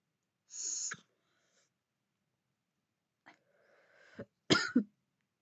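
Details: Woman vaping with deep puffs: a few short, harsh coughs with breathy exhales between; irritant cough from inhaled vapor during repeated coughing fits.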